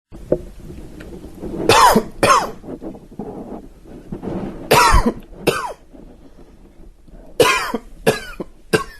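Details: Dry, wheezy cough: three short bouts of dry, sharp coughs, about seven in all, with a faint whistling tone after some.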